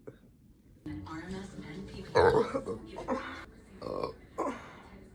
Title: burp compilation